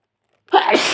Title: Sneezing spray in CD